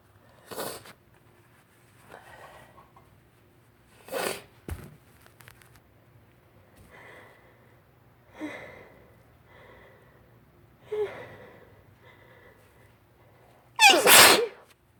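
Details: Adult with spring allergy sneezing, suspecting pollen caught in long hair on a windy March day: faint sniffs and small bursts building to one loud sneeze, over a low steady hum.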